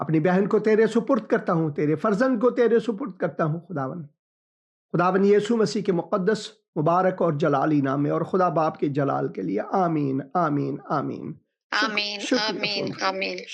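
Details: Adult man speaking; Normal speech.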